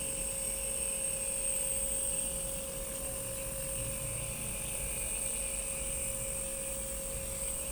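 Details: Steady hum and hiss of a running nebulizer compressor, steam treatment given for a cough with phlegm. No breathing or coughing clearly audible.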